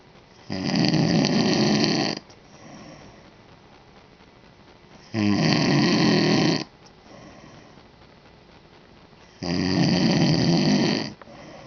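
Three long, loud, rattling snores about 13 a minute, with quiet breathing between; regular heavy snoring.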